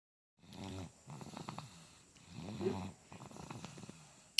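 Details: Sleeping baby making soft, rattling, snorting breaths through nose and throat in quick succession: snoring.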